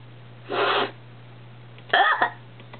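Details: Person trying to clear persistent hiccups: a breathy throat-clearing noise, then a brief voiced catch like a hiccup.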